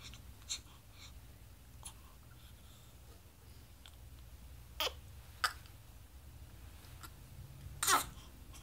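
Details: 6-day-old infant with a hiccup attack: a few brief, sharp hiccups spaced several seconds apart, with soft breathing between them, in a quiet room.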